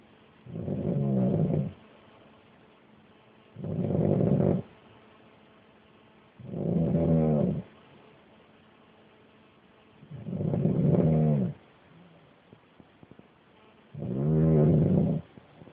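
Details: Uncle asleep: five deep, buzzing snores at roughly 18 breaths a minute, quiet between each; loud snoring during sleep.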